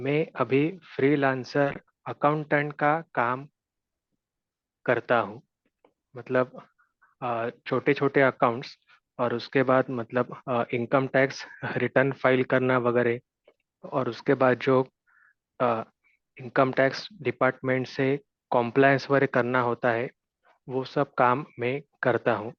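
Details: Stuttering in an adult man, self-described mild, mostly blocks before speaking, at his first stammering support group meeting.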